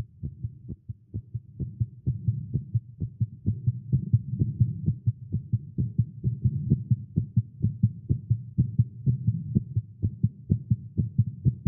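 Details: Male heartbeat during exercise after caffeine, tagged as irregular heartbeat: steady, strong low thumps at roughly 125–130 beats a minute; fast heartbeat (tachycardia).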